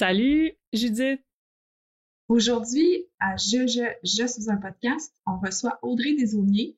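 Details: Adult woman who stutters and also has ADHD, and has had speech-language therapy; stuttering.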